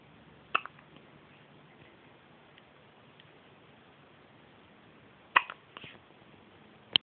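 Three short, sharp throat clicks spaced a few seconds apart in a quiet room, fitting hiccups.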